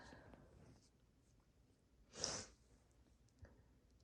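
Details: Induced sneeze, half-stifled: a single soft, hissing burst of air in a quiet room.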